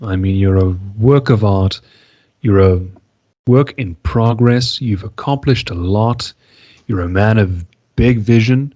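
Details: Adult male speaker; normal speech.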